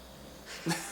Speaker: let's take a moment of silence for our snoring dog